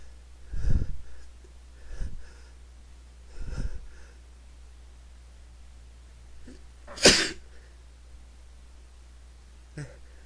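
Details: Male who "can't stop" sneezing: five sneezes in a row over about ten seconds, the fourth loudest, with a steady low hum behind them; repeated sneezing.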